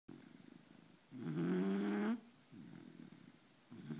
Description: Here is my 4 month old pup in deep sleep!!